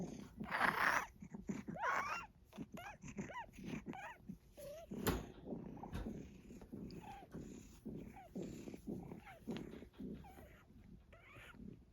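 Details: Pet breathing in rapid noisy bursts, with whistling, squeaky tones riding on many of the breaths: wheezing.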